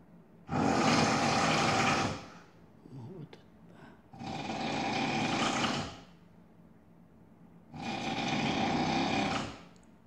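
Very loud, harsh, buzzing snores lasting about two seconds each, roughly 16 breaths a minute, with quieter breathing between.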